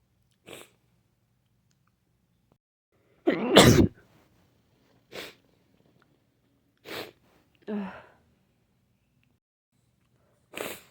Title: Sick sneezing